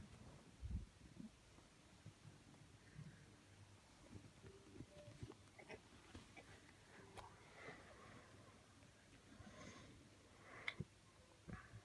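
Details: Snoring: intermittent low, rough, soft snorts from a sleeping adult brother, who denies that he snores, in a quiet room.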